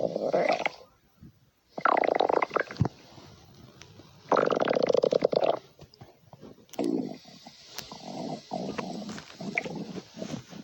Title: Crafty corn stomach growl ✔️